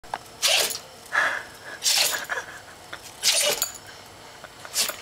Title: Wiener Dog Sneeze attack